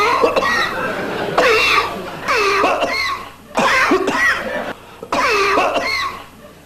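About five voiced, harsh coughs come in bursts separated by brief pauses. This is repeated coughing.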